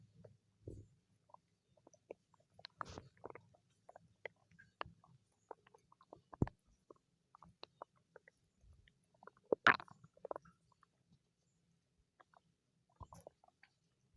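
Scattered soft gurgles, squeaks and pops at irregular intervals, typical of normal bowel sounds or stomach growling.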